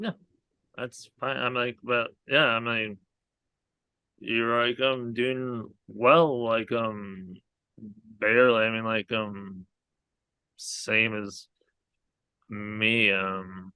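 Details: Aphasia in an adult man after a hemorrhagic stroke from an arteriovenous malformation at age 20.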